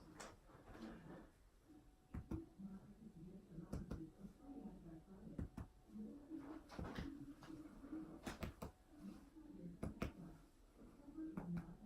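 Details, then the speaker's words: Percussion of a female patient's back during a physical assessment: sharp finger taps, often in pairs, give hollow notes, with normal resonance heard throughout. "alright great resonance heard all throughout"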